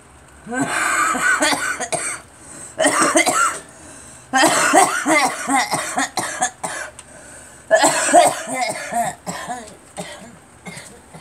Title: Girl couching